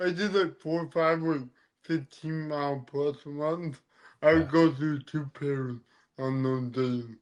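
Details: Adult man born with cerebral palsy, which affects his neck muscles, giving him a deeper voice and making talking hard; dysarthria (cerebral palsy).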